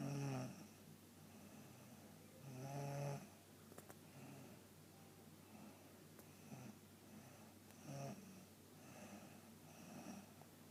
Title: My cousin is snoring